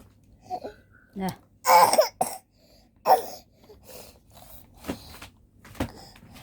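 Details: Cough: several short, harsh coughs from a child, mixed with fussing sounds in a small room, in a video about taking cough and cold medicine.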